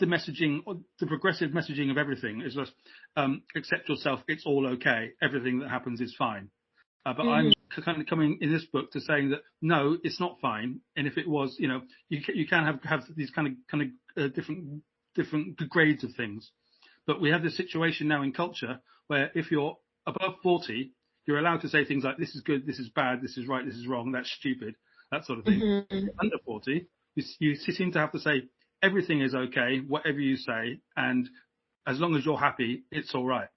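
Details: Adult British man who has stammered since age five; a repeating stammer in childhood later took hold; speech much improved over 15 years using voluntary stammering and modification techniques; stuttering (stammering).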